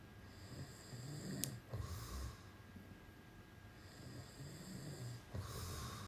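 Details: Person asleep in bed despite being told not to fall asleep: low, soft snoring breaths with snorting catches over steady room noise; snoring.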